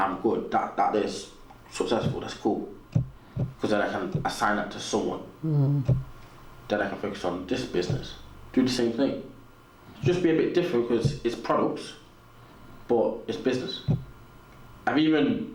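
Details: Adult man with a natural stutter, audible in his speech, which he has learned to work with; stuttering.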